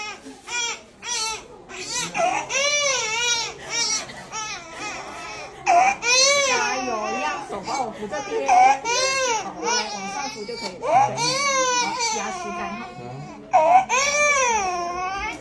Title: Baby Injection On Hip Crying, After Birth Vaccination..